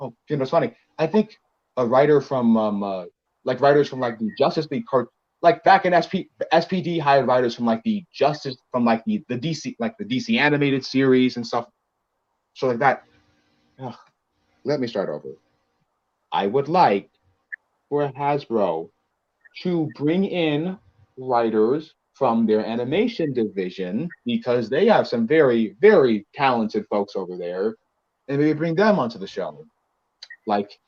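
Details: Male speaker with a self-described speech impediment; speech disfluency with word and phrase repetitions.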